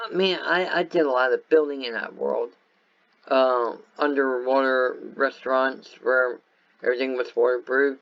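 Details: Speech impairment in an adult man caused by viral meningitis with a very high fever at about six weeks old, which also affected his walking, eyesight and hearing.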